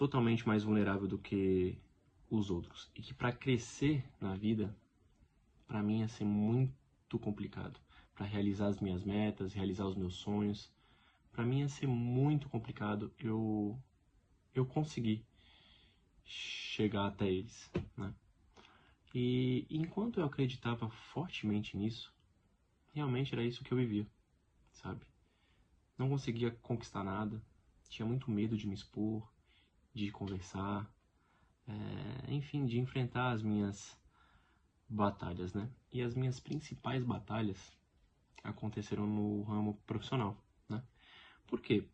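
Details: Real adult man who lives with stuttering every day. The finding is stuttering, in Portuguese speech.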